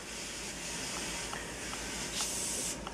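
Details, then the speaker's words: Yankauer (tonsil suction) tip on suction tubing to a regulator set to continuous: a steady airy hiss of running suction, with a few soft taps as the tip is pressed against a hand, showing the suction is working. "The suction regulator has a on and off button. Off. Continuous. And it makes some noise. You put your Yankauer on. You can hit that on your hand to hear it working."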